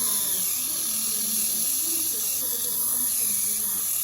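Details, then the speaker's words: Prophy polishing on a patient's upper teeth: continuous high whir of a slow-speed handpiece with prophy angle and cup polishing lingual surfaces and catching occlusals, using a mirror, with light pressure on each surface; faint room noise. "Applying a little pressure to each surface."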